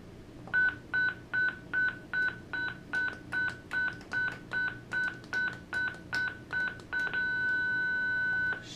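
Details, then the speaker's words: Zoll ProPaq MD defibrillator charging to 200 joules during a treatment report test: regular beeps, about 150 a minute, then a continuous tone signalling it is ready to shock. "so we're going to charge it up 200 200 joules and"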